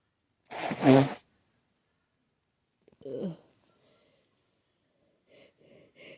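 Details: Very snotty sneezes in a person with an itchy, sensitive nose and a blocked nose that prevents nasal breathing: one loud wet sneeze, then a shorter snort and soft nasal sniffs, a congested, mucus-laden sneeze.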